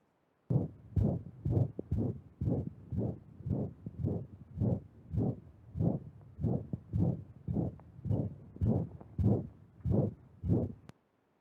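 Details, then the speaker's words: Diastolic murmur in a dog, played in a clinical medicine lecture: regular heartbeats with a soft whooshing sound between beats. "so i'm not gonna talk to you right so i'll let you have a listen at what diastolic number sounds like here"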